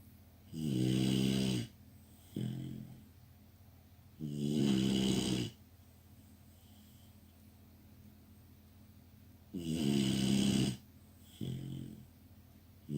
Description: Dembe the Labrador puppy snoring like a warthog